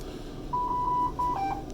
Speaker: notice because i did a hold now i have the minute ventilation alarming you can quiet your alarms by the way by pressing that for 120 seconds